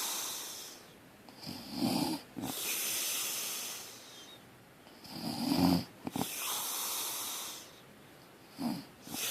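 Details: Loud, rough snores on the in-breath, about three in nine seconds, with quieter breathing between; snoring.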